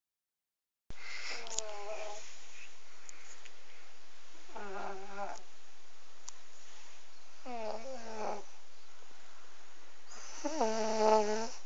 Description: Cute snoring baby